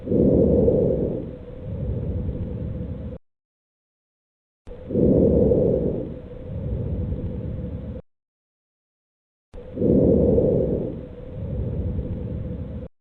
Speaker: You are listening to vesicular breath sounds.